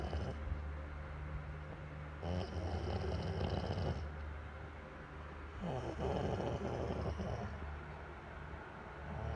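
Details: Snoring.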